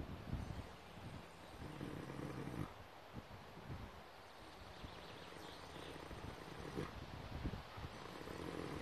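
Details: Horse lying in the grass in winter sun, asleep among the herd: deep, rumbling low-pitched snores rising and falling with each breath over steady outdoor background noise.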